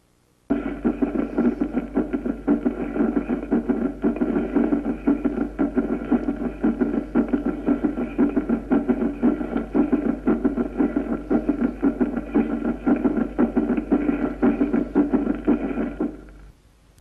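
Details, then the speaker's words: Regular heart sounds with a soft, low-pitched, faint atrial extra sound in presystole just before S1, best heard with the bell: S4 gallop. "su carácter acústico es el de un ruido poco intenso de tono bajo en pre sístole muy cerca del primer ruido"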